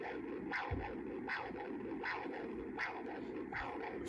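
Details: Pulsed-wave Doppler of the common carotid artery on a MiniSono ultrasound system, vascular carotid preset; rhythmic whooshing Doppler pulses about 80 a minute over steady hiss.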